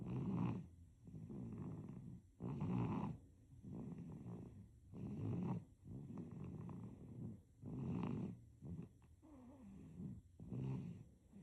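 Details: Sleeping baby snoring: soft, rhythmic snuffly snores on inspiration and expiration, roughly 12 breaths a minute with some variation.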